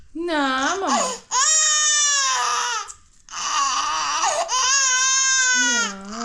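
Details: Loud, high-pitched wailing in long bursts with brief gasping pauses from a 6-month-old (24-week) baby girl in pain while receiving three vaccination shots, one on the left side and two on the right.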